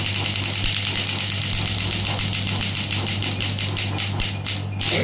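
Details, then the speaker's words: Biotronix pneumatic (air-compression) ESWT shockwave device, 0.5 to 12 bar, applicator firing at maximum frequency and then stepped down: repeated sharp clicking pulses over a steady machine hum. "You can see the shot is getting count it, and once the selected shot will be over, the device will stop. This is the maximum frequency. Now I will decrease the frequency."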